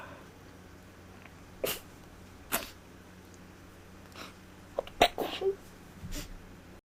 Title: Sweet sneezes